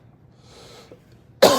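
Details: Adult recording a live video as a cough creeps back up on them: after a quiet, faintly breathy stretch, a single loud, harsh cough bursts out at the end.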